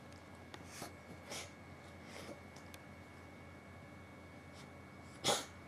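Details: Cat sneezing oddly and repeatedly, as if something got into its nose: several small nasal snorts and sniffs, then one sharp sneeze, in a quiet room.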